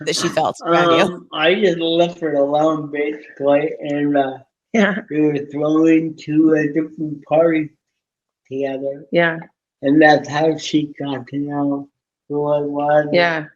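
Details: Dysarthria in an adult man with cerebral palsy from oxygen loss at birth, self-rated about 5 to 7 of 10 in severity, wheelchair user; speech impediment described as hard to understand, especially on the phone.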